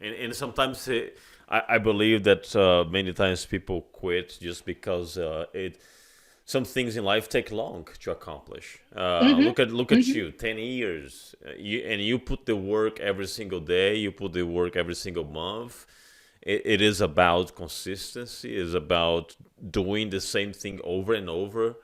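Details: Adult man speaking; ordinary speech.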